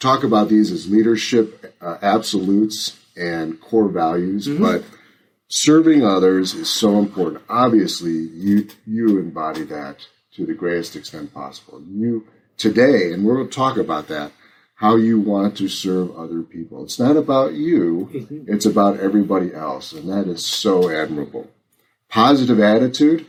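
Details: Adult man; typical speech.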